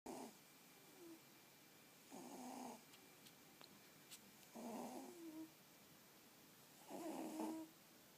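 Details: Snoring from sleeping Pixiebob cats: soft rhythmic snores, each under a second, roughly every two seconds, with a faint whistling tone on some breaths.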